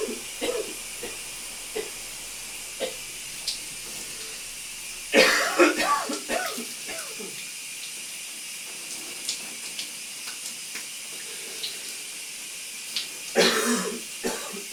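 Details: Adult male coughing in a steamy shower: two bursts of wet, rattling coughing with quieter throat sounds between, over steady running shower water; a loose, productive cough.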